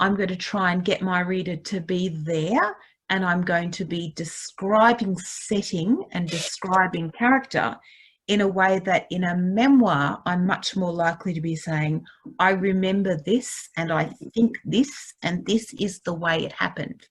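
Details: Adult woman speaking; normal speech.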